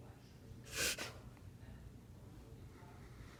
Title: Dog has to sneeze but can’t